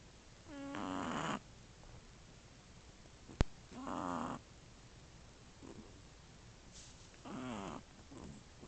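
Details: Shih Tzu puppy, about 1 month 3 weeks old, snoring asleep with sisters, one sister faintly snoring and another in REM: soft, buzzing, fluttering snores every few seconds with faint breaths between, quiet room.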